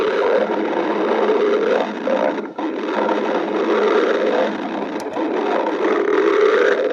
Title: stomach growling 9